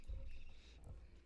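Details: Sleeping female dog described as snoring hardcore loud: low, rough, deep fluttering rumbling.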